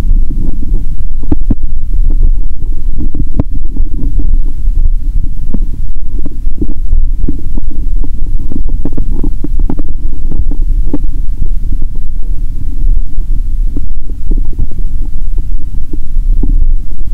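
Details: Stethoscope over the abdomen of a hungry person around noon, before Mentos and cola: loud, continuous low rumbling and gurgling with scattered pops; active bowel sounds (stomach growling from hunger).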